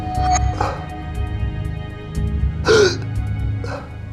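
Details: Man with non-stop hiccups for 8 years, relieved only briefly by fizzy drinks; three short, abrupt gulping catches over background music: persistent hiccups.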